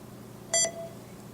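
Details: Short two-part electronic beep over quiet room noise: Ascom Telligence C600 nurse call staff console alert for a routine patient normal call, showing room and bed number.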